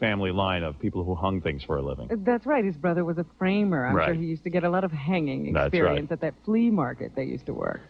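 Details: Adult male speaker, radio studio; Ordinary speech.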